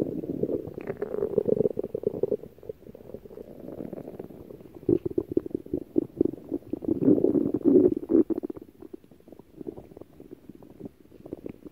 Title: Aggro’s stomach growling